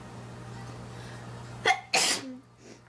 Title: Induced Sneezing #1